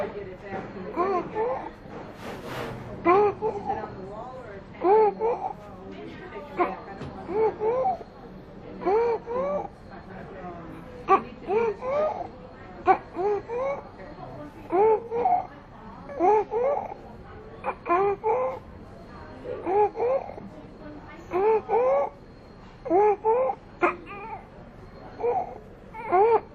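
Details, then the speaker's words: Young child in a training exercise on identifying stridor: rapid breathing with a harsh, high-pitched crowing noise on each breath in, judged stridor. "what did you decide we heard a harsh noise when petit was breathing in therefore we decided the petit does have stride or"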